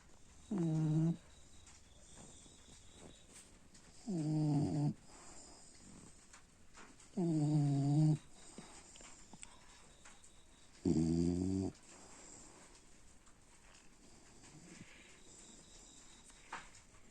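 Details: Four rattling, vibrating snores on inhalation, about 17 breaths per minute, with quiet gaps between breaths: typical snoring.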